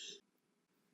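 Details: One very brief, soft throaty burst followed by quiet: a small, controlled belch learned through rehabilitation exercises in retrograde cricopharyngeus dysfunction (R-CPD, inability to burp).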